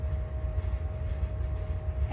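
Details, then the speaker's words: Child, stethoscope over the right iliac artery during a head-to-toe assessment: steady low rumble with no whooshing bruit; normal finding, no bruit over the iliac artery. "the left iliac artery or trying to hear any brews which i don't know any"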